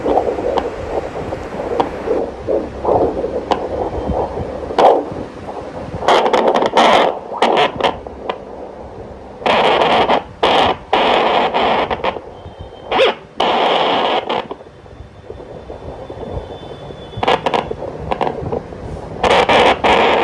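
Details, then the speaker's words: Fast, soft pulsing whoosh of fetal heart sounds on Doppler with loud probe scraping, fifth-month twin pregnancy, fundal height above the navel; two heartbeats heard at different sites. "अब हम सुनते हैं FS पीटल heart sound पीटल heart sound भी इसमें दो सुनाई देंगी"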